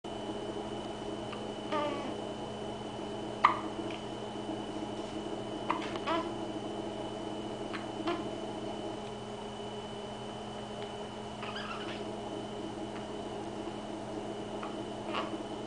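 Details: Several short, sharp infant hiccups at irregular intervals over a steady room hum.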